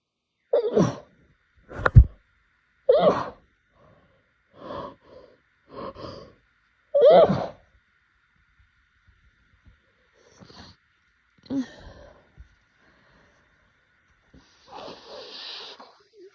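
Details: Allergic sneezing fit during allergy season: about seven forceful, powerful, snotty sneezes in rapid series, then softer gasps and sighs.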